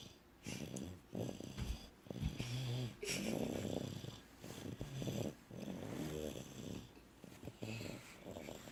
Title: snores 9/26/16